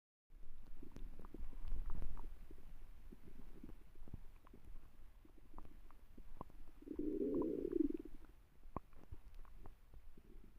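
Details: Low, bubbling abdominal rumbles with scattered clicks and one longer tonal gurgle: ordinary stomach growling.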